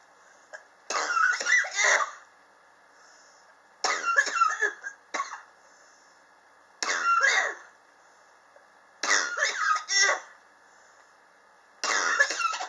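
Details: Five bouts of dry, hacking coughs, each a few seconds long with quiet gaps; chronic cough ongoing from summer 2016 into 2019, unrelieved by medicine or home remedies, which the patient blames on extreme indoor temperature changes.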